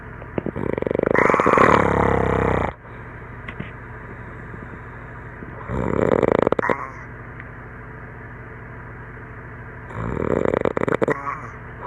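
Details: Adult asleep after a campfire and some beers, filmed by a friend, snoring: three loud, rattling inspiratory snores about four seconds apart, about 15 breaths a minute, over steady room noise.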